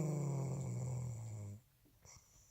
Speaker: she says I'm the one that snores.